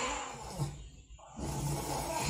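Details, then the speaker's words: Obstructive snoring recorded overnight by phone app in December, at a consultation about CPAP treatment: loud, harsh, sharp, choking-like roaring through a closed airway with a quieter gap; apnea suspected before gasping breaths. "그러니까 닫힌 상태에서 나는 소리는 이렇게 아주 그 날카로운 소리죠. 오히려 이렇게 막 누가 목 조르는 소리잖아요."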